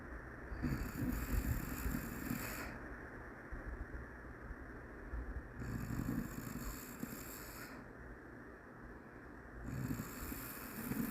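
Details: Shih Tzu dog snoring in a low, rumbling rhythm, with noisy breaths recurring about every four to five seconds.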